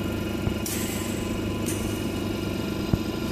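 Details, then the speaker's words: Running compressor of a Respironics Millennium pressure-swing-adsorption oxygen concentrator with its cover off, during a teardown: steady motor rumble with rattling and hissing valve switches, a very shaky compressor. "now we'll turn it on I can see the compressor is running although slightly here that value of us here changing"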